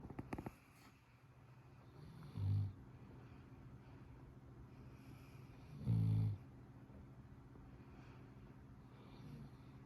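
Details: Snoring during sleep: low, soft snorting breath noises recurring irregularly over room hum, about two in ten seconds.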